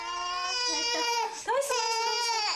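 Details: Infant with atopy and milk allergy (documentary on food anaphylaxis in children): a loud, steady cry with a brief catch and rise in pitch midway; a distressed infant cry.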